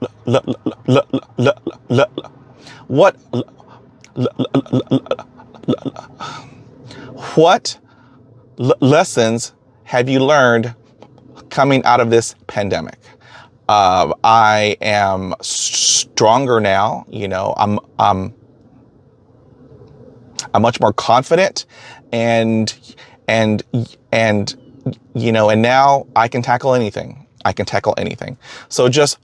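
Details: Stuttering in an adult man who stutters and says he can get hung up on words, with repeated phrases.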